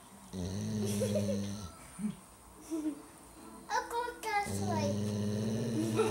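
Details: Female dog snoring loudly in her sleep: long, drawn-out, humming breaths with a few shorter snorts in a quiet room; snoring.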